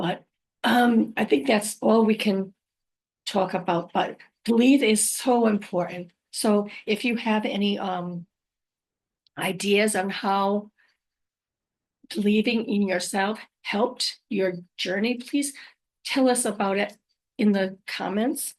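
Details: Adult woman with post-stroke aphasia, also apraxia of speech and dysarthria; unedited speech with mistakes, pauses and word trips, recorded on a good day, usually in the morning before fatigue.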